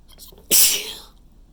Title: messy chhinkni sneezes